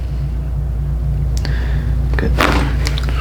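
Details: Chiropractic atlas (upper neck) adjustment on a stuck joint: low room hum, then a quick cluster of sharp cracking pops like riffled cards from joint cavitation.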